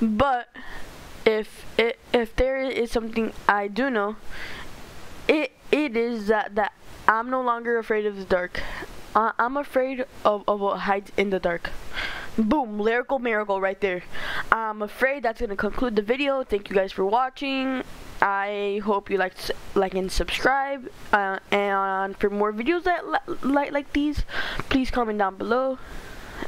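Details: Stuttering in a male narrator reading a story aloud, who says he stutters a lot and reads poorly.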